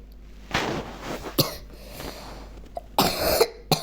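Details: A boy who says he has a cough, playing an online chess lesson: several short, sharp coughs, about four bursts in a few seconds, in a quiet room.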